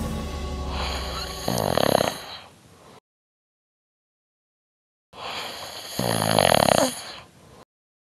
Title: He nose you're snoring -- in the park